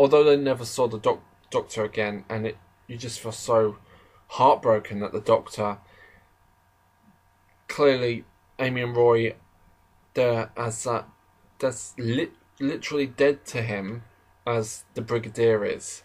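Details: Adult male who describes himself as slightly stammering, in natural conversational speech; stuttering.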